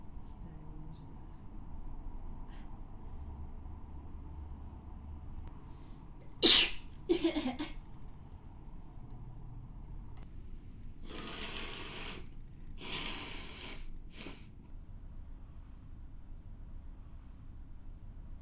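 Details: Adult woman, who reports sneezing runs during bad pollen season, gives two sharp, explosive sneezes in quick succession, then a few audible breaths.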